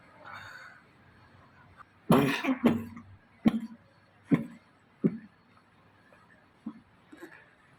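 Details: Adult male with whooping cough (pertussis): two weeks of dry, severe cough and four days of fever; a run of about six harsh, dry paroxysmal coughs, with a deep inspiration and whoop after; treated with azithromycin.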